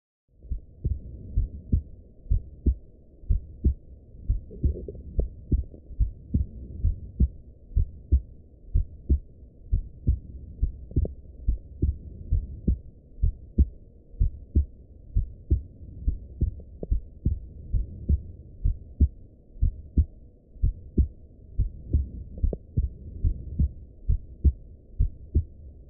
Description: Recording of normal heart sounds using the "hummingdoc flip" Stethoscope Adapter for EarPods with an iPhone 6.